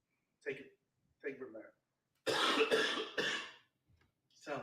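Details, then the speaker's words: Two short voiced throat-clears, then a run of harsh, loud coughs from an adult man with a throat tickle, which he blames on a Saharan dust storm; heard off-microphone after he puts the mic down. "i'm sorry i got this tickle in my throat it's uh i'm going to blame it on the saharan dust storm that's coming across"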